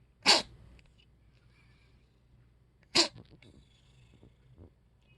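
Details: Newly adopted cat with hacking/gagging episodes and sneezing: two sharp sneezes a few seconds apart in a quiet room.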